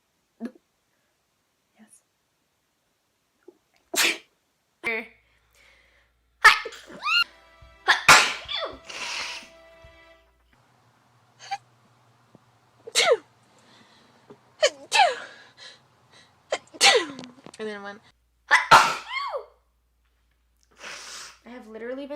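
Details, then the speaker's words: Sneezing compilation clip: a run of sharp sneezes with short quiet gaps and brief speech between them. "literally been sick all week. I just can't stop sneezing."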